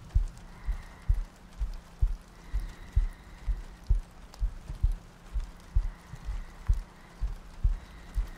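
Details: Sleep-aid ASMR loop with soft breathing and rain ambience: soft, regular low heartbeat thumps at about 64 a minute under gentle rain-like ambience and faint music; a steady heartbeat.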